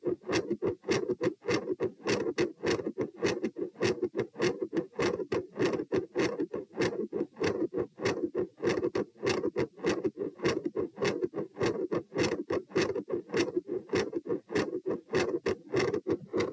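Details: Heart sounds recorded at position P, standing then lying: rapid, regular beats about 100/min under a steady whooshing murmur filling the gaps between beats.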